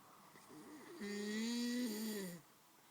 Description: This has got to be the mos annoying snore surely?!!